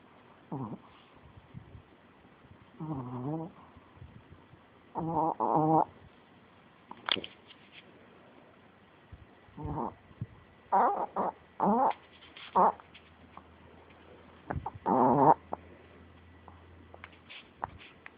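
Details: Animal snoring in sleep with eyes partially open, owner suspects he may be getting sick: short rattling, vibrating breaths every few seconds with quiet pauses between.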